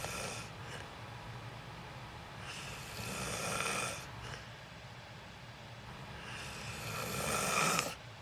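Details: Loud snoring during sleep in a self-recorded sleep video: two long, rough, rattling breaths a few seconds apart with quiet between them, the steady rhythm of snoring.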